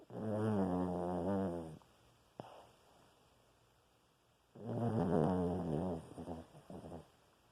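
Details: Snoring from a sleeping dog, nose twitching: two buzzing, fart-like snores with quiet breathing between them.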